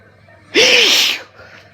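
A single loud, explosive sneeze with a brief voiced onset, over quiet room noise; an allergic hay fever sneeze.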